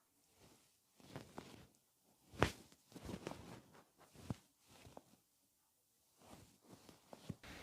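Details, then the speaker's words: Soft movement noises and a few sharp popping snaps as the thigh is raised and opened out, attributed to the tight iliopsoas tendons crossing the anterior inferior iliac spine; painful internal snapping hip. "보관 대를 여포를 위에 들었다가 열어 놓을 때 뚝뚝 소리나는 것은 안쪽에 있는 엉금 관절을 굽히는 장 요건 때문입니다"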